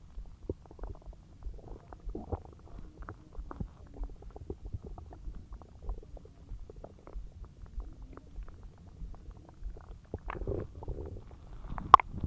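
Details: Loud bowel sounds (borborygmi) of active digestion after a huge meal: continuous low gurgling and bubbling with frequent short pops from the belly.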